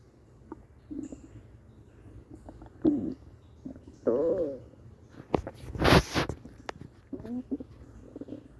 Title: Stomach noises